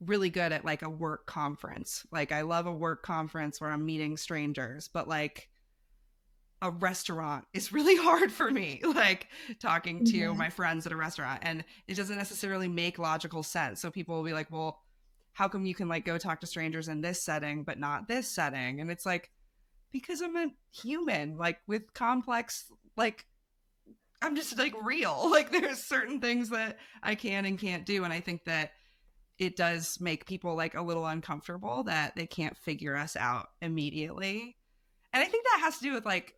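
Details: Adult woman speaking; typical speech.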